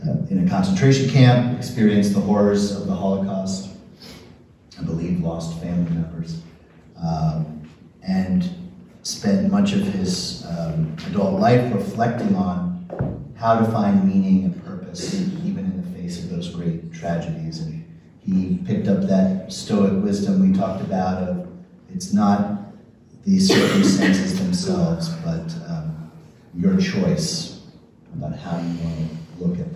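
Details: Adult man speaking; normal speech.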